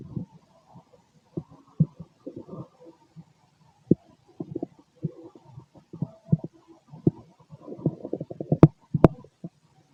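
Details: Male bowel sounds 6 hours after eating: irregular low gurgles and rumbles in a quiet room, with a few sharp pops near the end.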